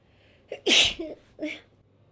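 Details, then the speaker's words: A single sneeze: a quick catch of breath, then one sharp, hissing burst of air. Afterwards the sneezer says spit flew out and that it felt like a proper sneeze for the first time in a while. "でも久々にクシュンってちゃんとしてる気がする。"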